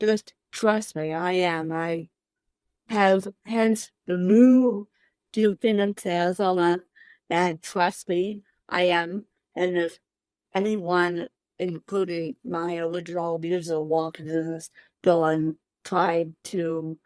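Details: Dysarthria in an adult woman with cerebral palsy present from birth, born 13 weeks premature at one pound thirteen ounces; real, unacted speech.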